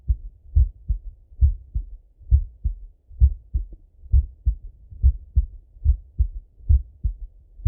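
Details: Male full heart auscultation, recorded partly sitting at a desk and partly lying in bed: steady lub-dub at about 67 beats a minute, clear first and second sounds, no extra noises; normal heart sounds.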